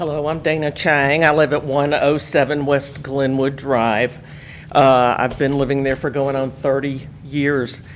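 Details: Adult speaker at a microphone; normal speech.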